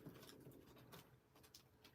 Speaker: just hear my stomach growling I'm so embarrassed I hope you can't hear that